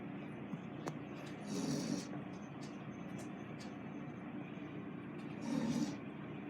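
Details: Adult man (father) snoring loudly, pig-like.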